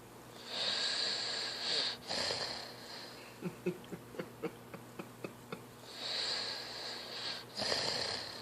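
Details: Boy (little brother) snoring: long, hissing, whistly breaths with a run of short clicky snorts between them.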